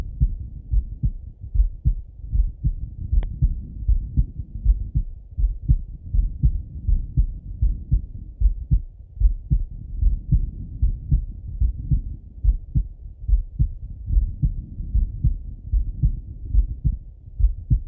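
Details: Male heart auscultation through a stethoscope, recorded either sitting at a desk or lying in bed: steady low thumping heartbeat at about 75 beats a minute, no extra sounds; heartbeat.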